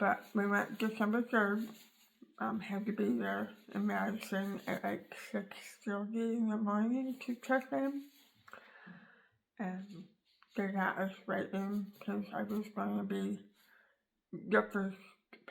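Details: Adult woman after tongue cancer surgery removing almost all of tongue, floor of mouth, bottom teeth and part of jaw; tongue rebuilt with leg tissue, sewn to gums; cannot form words with tongue, learning to manipulate mouth; articulation disorder after glossectomy.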